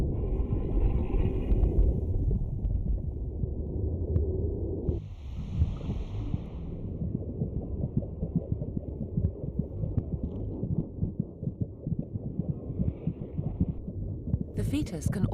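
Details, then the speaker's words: Sound inside the womb as heard by the fetus through amniotic fluid: deep muffled rumbling, sloshing and burps with a soft throbbing pulse of the mother's blood flow and digestion. "A cacophony of sloshes, beats, and burps mark the passage of food, blood, and air in and out through the maze of passages and tubes just inches from the baby's ears."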